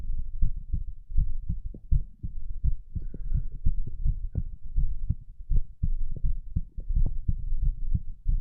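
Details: Steady low paired thumps at about 80 beats a minute, regular and unhurried, recorded during abdominal crunches, heart rate not much raised; normal heart sounds.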